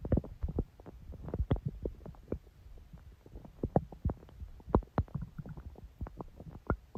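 Continuous low gurgling, bubbling and rumbling bursts from the belly; ordinary stomach growling from gas and fluid moving through the gut.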